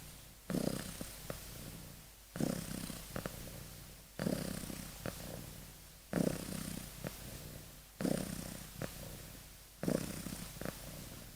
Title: Kitten snoring and deep sleep！